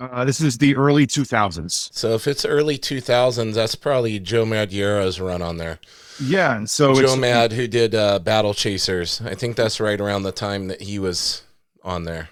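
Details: Adult man speaking; ordinary speech.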